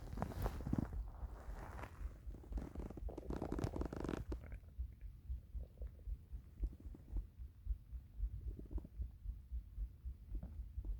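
Deep rumbling and gurgling, then softer rhythmic low gurgles; ordinary hunger-related stomach rumbling.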